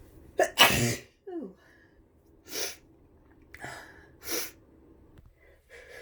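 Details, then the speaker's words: Sharp gasping intake, loud explosive sneeze, then two more sneezes with breathy sniffs between, from a person with flu and a runny nose: repeated sneezing. "Bless me. Oh, that was messy. I have to blow my nose so bad."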